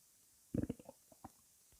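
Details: Female who has not yet eaten her breakfast: a brief low gurgling rumble breaking into several short bubbling pulses, stomach growling (borborygmi).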